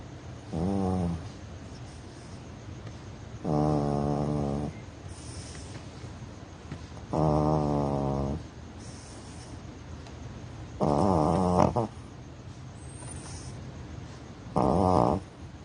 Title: Lolo snoring 13 years snoring toy yorkie